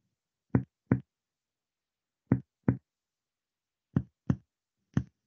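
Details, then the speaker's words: Splenic percussion with the patient in right lateral decubitus, left arm and leg crossed over, along the midaxillary line from above; pulmonary resonance changing to splenic dullness, found between the ninth (ribs). "Acá encontramos la matidez, entre el noveno"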